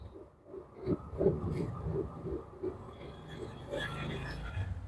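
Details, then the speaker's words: Twin pregnancy ultrasound at about 10 weeks 5 days and 11 weeks 6 days, the second twin's growth slightly behind: fetal heartbeat on Doppler from one twin, rapid regular whooshing pulses at about 170 a minute, within the normal early range. "এখন দুইটা বাচ্চারই heartbeat আছে কিনা সেটা একটু আমরা check করি। তো এটার আগে চেক করি। জুম করে নিলাম। তো এটা শুনতে পাচ্ছেন বাচ্চার হার্টবিট।"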